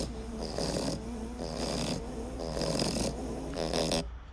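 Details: Stertor: snoring-type upper airway noise in a brachycephalic obstructive airway syndrome (BOAS) case, recorded with a digital stethoscope.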